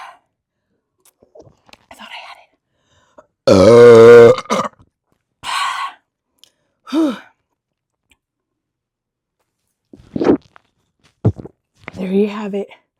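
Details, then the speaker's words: Adult woman burping after chugging beer from a 50 oz chug meter: one loud, deep, drawn-out belch, then several shorter, softer burps in a quiet room. "Uh, I had to burp. That feels better. There's more room now."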